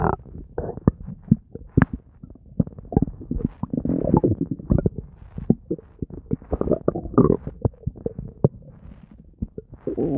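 Continuous gurgling and bubbling with frequent sharp pops and low rumbles; active, normal bowel sounds.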